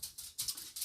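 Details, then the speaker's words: Dog reverse sneeze (backward sneeze), with quick, repeated hissing snorts, heard during a home livestream. "be able that's called the backward sneeze in case you hear sophia making that noise"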